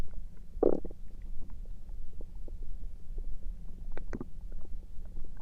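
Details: Stomach noises recorded through the night: low gurgling and rumbling abdominal noises with a brief louder squelch and scattered clicks over a steady low hum; ordinary bowel sounds (borborygmi).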